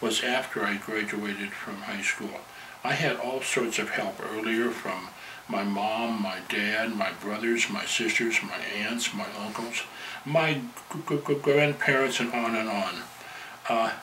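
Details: Adult male who stutters, member of a stuttering support group; stuttering.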